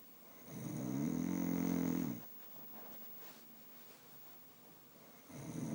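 Loud, deep vibrating snore on the in-breath, then a quiet out-breath, with the next snore starting. Ordinary adult snoring.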